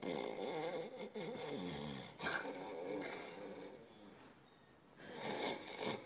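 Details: Acted snoring in a Tunisian TV comedy scene: loud, rough, rattling snores in irregular bursts from an overweight man in a small room; a woman complains it kept her awake.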